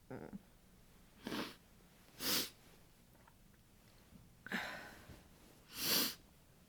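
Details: Person in bed after cold, windy outdoor exposure, possibly coming down with a cold: five sharp, hissing sneezes in quick succession muffled into a down duvet, with soft sniffs between; repeated sneezing.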